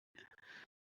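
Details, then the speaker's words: A brief, faint, harsh breathy burst in a small room: the speaker's son coughing in the background; cough. "So I'm Oh, sorry. You can hear my son coughing in the background."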